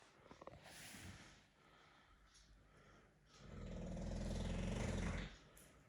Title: My English Bulldog Snoring Loudly